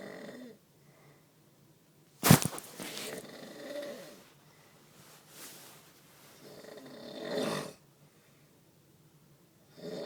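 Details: Self-recorded snoring on a phone, which the snorer says picks up only about 60% of the volume: irregular rough snorting breaths with one sharp loud snort and quiet pauses; snoring.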